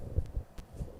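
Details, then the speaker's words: Stomach growling from a hungry adult man who had not yet eaten breakfast, microphone held to his belly: soft low gurgling, squeaky rumbles of an empty stomach, ordinary hunger borborygmi. "and it sounds squeaky do you hear it oh my it's going guys I have to go eat I'm starving losing weight as we speak"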